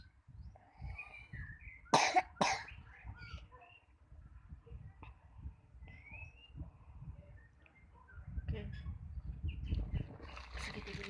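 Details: Two loud coughs then quiet chatter and household noise; a child with cough and flu who resists taking medicine.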